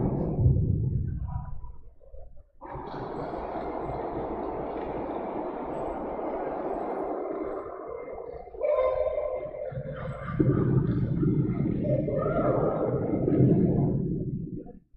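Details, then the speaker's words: Dog presented as a normal-panting example in a brachycephalic obstructive airway syndrome (BOAS) seminar: rapid, noisy open-mouth breathing without high-pitched noise; normal panting, as with tiredness. "Okay, that's actually normal panting. Okay, even humans, when they get tired, they pant."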